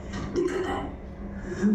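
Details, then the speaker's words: Female patient who walked into the outpatient clinic, not an emergency, making a harsh, tonal, voice-like noise on breathing in: inspiratory endolaryngeal stridor from vocal cord dysfunction. "The person is being pretty okay, but at the same time while inhaling you can hear the noisy endolaryngeal stridor."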